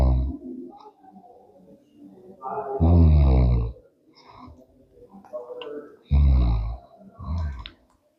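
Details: Clinical sign in CP: deep, rough, snore-like noisy breathing in bursts while awake, with grunting between; suggests upper airway obstruction.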